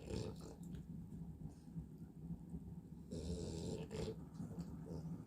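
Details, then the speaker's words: Drowsy dog sitting upright on command, nodding off but staying seated: low, rough rattling breaths with a soft snore on each breath; snoring while half awake. "Вот его рубит, хочет спать, но всё равно сидит. Вот аж храпит."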